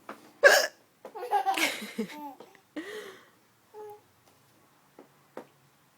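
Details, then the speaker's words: Mother with hiccups while her baby laughs: a sharp hiccup, then the baby's laughter and a few more brief hiccup catches. "Mommy hiccup scaring you? You like my hiccups? I can't control it."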